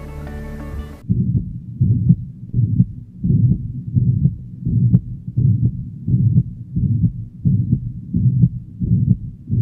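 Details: Holosystolic murmur of mitral regurgitation.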